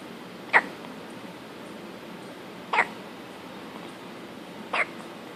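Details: Newborn girl, born 4 weeks early, filmed just after birth with hiccups: three short, abrupt hiccup sounds about two seconds apart, roughly 27 a minute, over quiet room noise.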